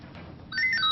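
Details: Chair exit alarm in a fall-prevention training demonstration: quiet room noise, then a loud warbling electronic tone starts as the chair pad alarm sounds when the patient rises.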